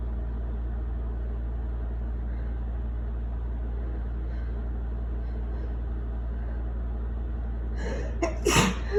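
Steady low engine-like hum, then near the end a brief breathy intake and a sharp wet sneeze burst.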